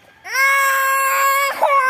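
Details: Young child crying in a tantrum after being refused jelly: loud, sustained tonal wail, then a brief catch and a renewed cry. Crying (tantrum).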